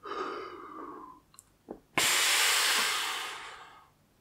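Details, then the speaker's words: A slow outward breath and a click, then one long, forceful, deep inhalation that fades, demonstrated with a Seretide Diskus dry powder demonstrator inhaler by a pulmonologist: correct dry powder inhaler technique. "it's a dry powder inhaler but it's sort of intuitive because you twist you press on the lever and then you're ready to go it's kind of want to breathe in so it's kind of easy in that regard"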